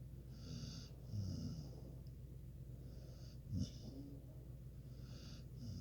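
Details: Sleeping individual with head propped up on a pillow, soft, low rhythmic snoring at about 25 breaths a minute over a steady room hum: snoring.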